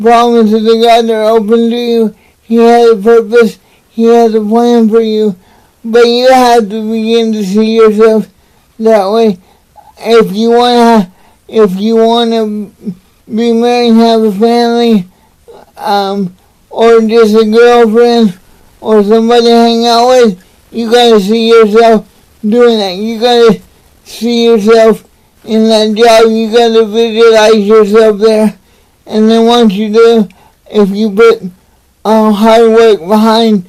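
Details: Adult man with cerebral palsy, motivational speaker, talking to camera; dysarthria (cerebral palsy).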